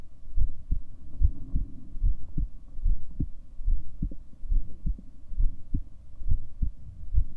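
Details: Own heartbeat recorded over 7 minutes: soft, regular low thumps at roughly 70 beats a minute under a faint hum; ordinary heartbeat.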